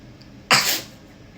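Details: One sharp, explosive sneeze with a hissing release amid quiet room noise, from an adult deliberately trying to sneeze with eyes open, possibly using pepper to trigger it.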